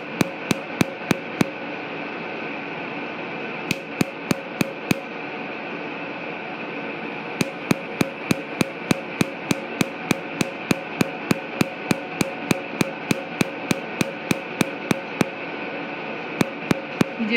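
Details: Tattoo removal at a dermatology clinic: sharp snapping clicks in fast regular runs, about three per second, over a steady machine hum; laser pulses during tattoo removal.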